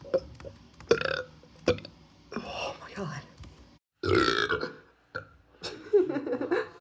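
Several loud, drawn-out belches with brief pauses between them, and faint breathing and murmuring in between: repeated burping.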